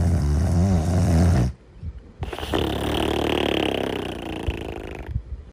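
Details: A sleeping dog snoring: a low, rumbling snore, a brief pause, then a longer fluttering snoring breath.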